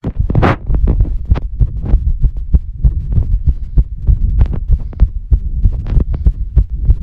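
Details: Fast heartbeat.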